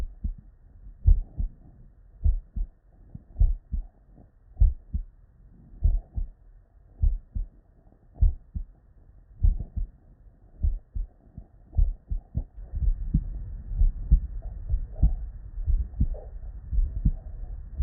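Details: Real, unedited bedside auscultation of normal human heart sounds: low paired lub-dub thumps at about 50 a minute, crisp first and second sounds, no added noises, faint hiss later.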